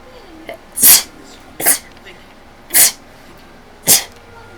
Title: me sneezing and rambling idk.